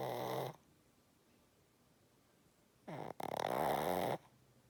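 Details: Sleeping female cat: two rough, rattling snore sounds with a quiet pause between them, the second in two parts; snoring.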